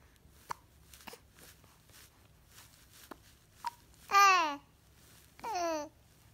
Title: Wide-eyed Hiccups